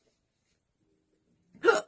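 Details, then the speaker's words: Hiccup during a live talk: a single abrupt, brief voiced catch after near silence. "I think I wanted the hiccups but I'm just gonna pray no I have oh no I'm so sorry hopefully they will disappear at some point"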